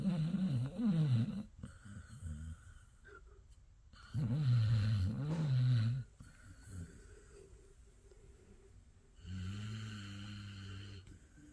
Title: snoring